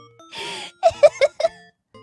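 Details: VTuber (Fuwawa): a breathy inhaled rush, then four quick gasping, catching sounds over light music, the build-up before a sneeze.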